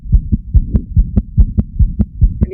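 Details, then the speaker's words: Newborn examination teaching audio: a rapid infant heartbeat with a continuous low rumbling murmur filling the gaps between beats. Patent ductus arteriosus murmur. "Here we've got some audio of a patent ductus arteriosus."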